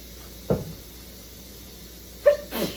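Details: Two short sneezes, the second a quick double burst, in a quiet room from a person who reports sneezing a lot from kitchen cleaning products like soap, hand soap and bleach.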